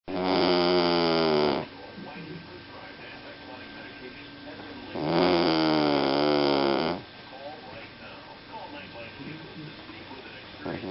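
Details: Ordinary snoring, recorded 1 November 2014: loud, buzzing, rattling snores on each in-breath, about 12 breaths a minute, with quieter out-breaths between.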